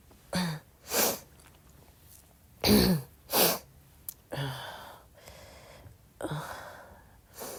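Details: Several short, soft, breathy cough bursts at midnight in a quiet room, some with a faint throaty onset, about a second apart.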